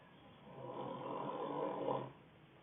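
One low, rattling snore on a breath in, fading out; ordinary snoring.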